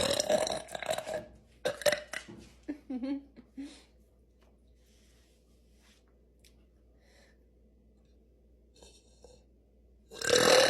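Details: Girl deliberately burping after practicing: several loud voiced burps in quick succession, then quiet room noise and a final long burp.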